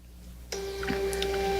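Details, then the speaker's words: Quiet room, then the internal printer of a Cardiovid FT-1 ECG machine starts with a steady humming whir as it prints the ECG report after the printer icon is pressed. "now what that will do is have the internal printer print out the report"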